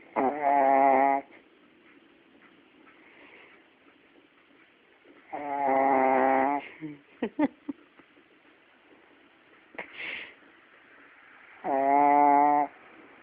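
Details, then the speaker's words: Loud, rattling snores about every six seconds, three in all, with quiet breathing between; regular snoring during sleep. "stop snoring."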